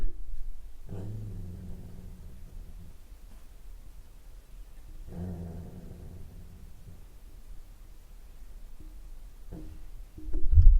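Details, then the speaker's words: Sleeping dog snoring with microphone pointed toward it: snoring sounds. "my dog is snoring I don't know if you can hear that I'm going to put the mic in his direction"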